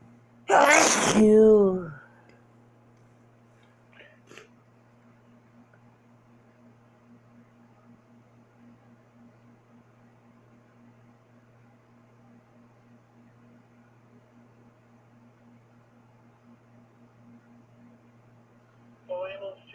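One loud, explosive sneeze, then quiet room hum and a faint start of another at the end.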